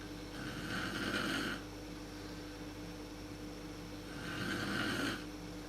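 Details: Mother snoring in sleep, worst just after falling asleep, recorded in the dark on a Canon PowerShot SX130 IS camera: two long, rough, buzzing inhaled snores about four seconds apart over steady room hum.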